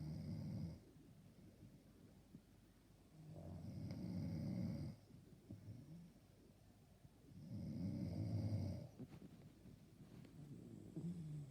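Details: Low, rumbling breaths in a slow, steady rhythm, about fourteen a minute, in a quiet room, keeping a listener awake; snoring.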